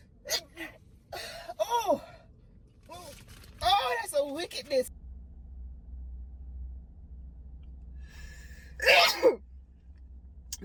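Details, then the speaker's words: Young woman sneezing during a COVID-19 nasal swab test, with the swab inserted and twisted in the nostril: a few gasps and vocal sounds, then one sharp swab-triggered sneeze burst near the end. "made me sneeze as expected now i'm going to do the same thing on the other side same swab when you feel resistance you stop"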